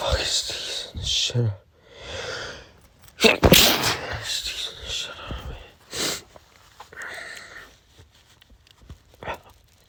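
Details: Adult male with pollen allergy, nose burning, finding it hard to stop: a run of forceful sneezes with gasping breaths and snorts between; repeated allergic sneezing fits.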